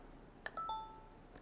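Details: Short falling series of three chime tones from an ICU Plum Solo IV infusion pump as it powers down, a normal shutdown signal.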